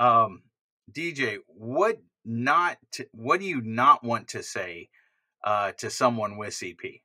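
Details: Adult male speaker; typical speech.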